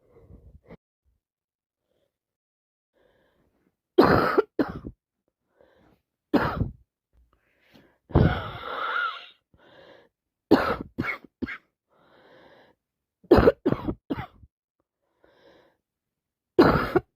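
Several separate short coughs, some in quick pairs, with a longer rougher expulsion and quiet breaths between; cough with a common cold.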